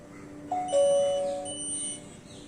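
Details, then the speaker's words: Short two-tone ding-dong chime on a wrist pager of a wireless hospital nurse call system demo, as bed number one makes a nurse call; nurse call alert chime. "bed number one is making a nurse call same bed is making a housekeeping call same bed is making a quote and it is cancelled"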